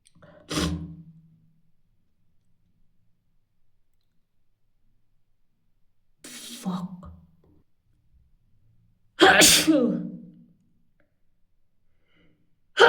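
Three forceful, explosive sneezes, each a sharp burst followed by a brief trailing exhale, with silence between: repeated sneezing.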